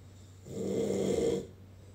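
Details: One drawn-out, low buzzing snore lasting about a second on an inward breath; a husband snoring.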